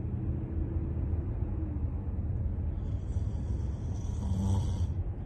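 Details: Sleeping person snoring: low, steady rumbling breath noise with a faint rattle; snoring.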